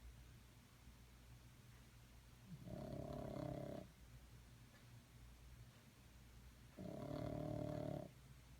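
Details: Seamus sleeping and snoring on a Monday afternoon: two long, low, buzzing snores about four seconds apart, each lasting over a second, over quiet room noise.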